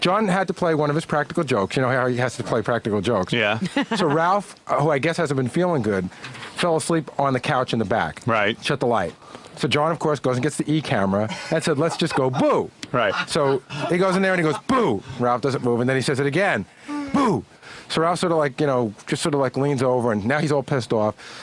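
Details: Adult male speaker, radio talk; normal speech.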